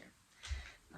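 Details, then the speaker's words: Sleeping dog in the background of a quiet room: a single low, rumbling snort: snoring. "The snoring, it's my dog, it's not me, okay? I'm wide awake here."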